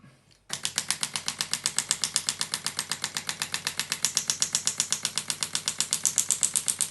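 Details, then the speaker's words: Shockwave therapy on a low setting, applied over gel to the sensitive elbow of a rock climber with 3 months of stubborn elbow pain and a small tear on ultrasound; fast, very regular sharp clicking pulses, about four per second. "this is the shock wave so we're going to put it on its lower setting today because the elbows are very sensitive and this is what it sounds like so it's a little bit noisy okay"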